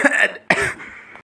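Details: Simulated cough in a satirical skit about cigarettes being healthy: two harsh, acted cough bursts from an adult, the second trailing off into a rough exhale.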